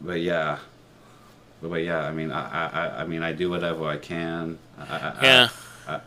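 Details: 30-year-old man with a speech impediment since he began talking as a child, worse with new people and anxiety, with trouble on R and O sounds; speech therapy in middle and high school; stuttering.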